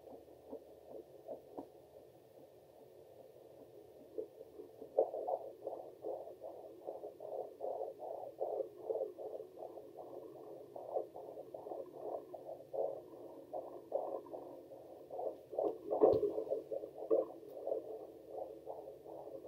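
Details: Fast, regular whooshing fetal heartbeat on Doppler, about 154 beats a minute, from a baby girl at 23 weeks of pregnancy.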